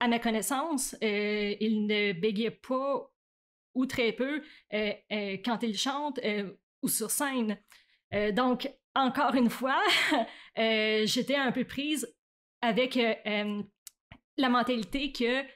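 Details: Adult woman who stutters, onset around age 7 or 8; stuttering.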